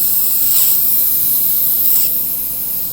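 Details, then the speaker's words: Finishing a Class II composite restoration: steady high-pitched hiss and whine of a dental handpiece spinning an abrasive disc along the lingual surface margin, swelling twice as it sweeps over the tooth. "make sure put the disc where it needs to go and and do this motion before you step on the rheostat make sure that it's where it should be you don't ever want to hold it in one place because then you'll take this whole disc i mean this whole cusp off okay"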